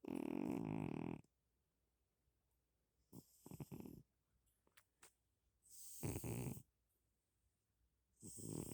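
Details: A sleeping cat snoring loudly: rough, rumbling, strikingly human-like snores with quiet pauses between breaths.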